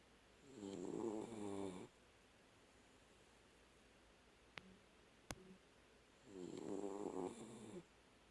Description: My dog Sydney snoring like a champ.